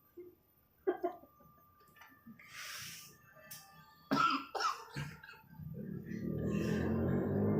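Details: Coughing after inhaling vapor from a 6 mg strawberry cheesecake e-liquid: a few short harsh coughs and a throat-clearing sound with some room noise.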